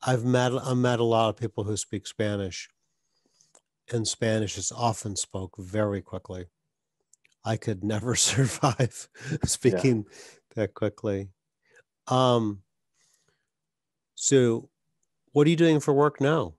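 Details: Adult male speaker, conversational interview; normal fluent speech.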